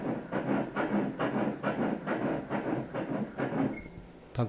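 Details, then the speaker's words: Fetal heartbeat on Doppler during early-pregnancy ultrasound at 7 weeks 1 day: fast, regular whooshing beats at 135 per minute, within the normal 120–160 range, with no arrhythmia. "조직적으로 들리고 있어요 빨리 들리는 것은 원래 트 아들은 얼음도 부터 2배 정도 이상 빨리 들려요"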